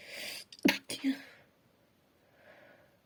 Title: Just a sneeze (F)